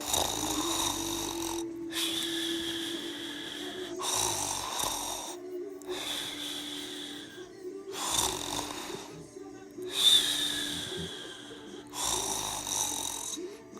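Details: Rhythmic, raspy snoring with a whistling edge from a sleeping pug, about 30 breaths a minute, over a steady background tone; snoring.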